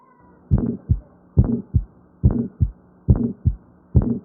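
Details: Paediatric murmur teaching example: regular paired heartbeats at about 70 a minute, with a long, rough first sound of harsh whooshing quality, indicating a heart murmur.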